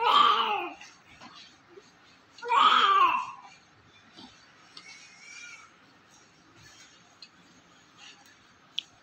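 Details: Two loud, vigorous cries from a healthy newborn just after birth (sex unclear: caption says female, spoken as male), with S1 and S2 audible, active and stable, needing no suction or emergency care; normal newborn cry.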